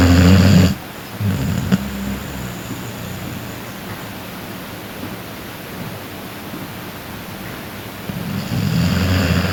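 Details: Snoring during sleep: loud, deep, rattling snores at the start and end, with a quieter rumbling breath between them.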